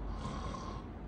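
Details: Deliberate snore made on request during flexible endoscopic examination for snoring and sleep apnea; low, rough, fluttering rumble lasting about a second.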